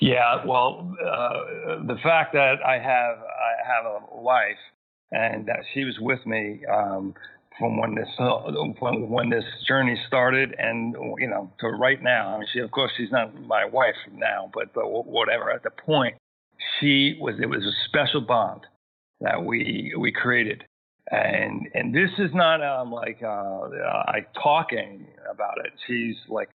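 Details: Man who had a massive stroke at age 41 causing global aphasia with loss of speech and comprehension; thirteen years later still needs more time to process sentences and find words; residual aphasia after stroke.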